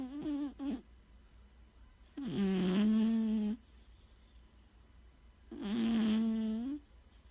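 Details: Two long, buzzy, droning snores a few seconds apart with quiet pauses between; a cat snoring in sleep.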